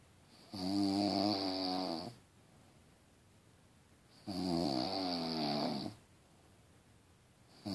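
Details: Snoring: loud, rattling snores on each breath in, about 16 a minute, with quiet breathing out between them.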